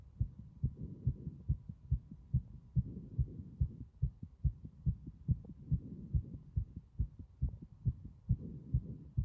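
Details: Strong, regular heartbeat at about 70 beats a minute, each beat a loud paired thump, loud throughout; strong heart sounds.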